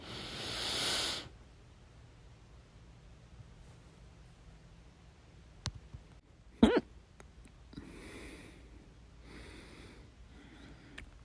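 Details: Loud hiccup: a breathy exhale, then a sudden sharp hiccup with a catch in the throat, followed by quieter breaths.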